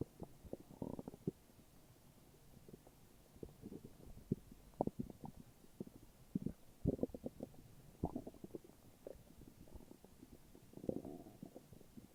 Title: morning stomach growls :3